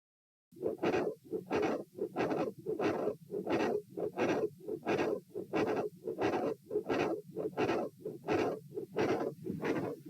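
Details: Rhythmic heart sounds near 88 a minute with a harsh whooshing filling each cycle, recorded at auscultation position A during a stress test (sitting, standing, bobbing, lying; 84-114-90 bpm); a continuous murmur with a loud second sound.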